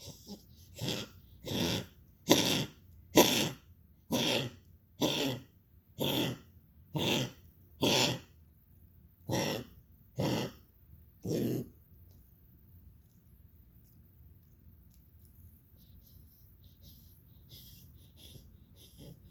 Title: coughing 2